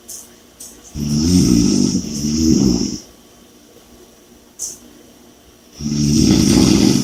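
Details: Heavy snoring with loud rattling snores on inhalation, two in seven seconds, separated by quieter breathing.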